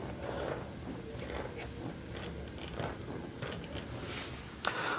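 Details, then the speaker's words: Instrument-assisted soft tissue scraping of the upper arm (biceps area) of a female bikini bodybuilder during chiropractic treatment: continuous crunchy, gritty scraping as the tool is dragged over skin. "All right, so if you guys want your ASMR for scraping, here is the forearm. Then this side of the forearm here."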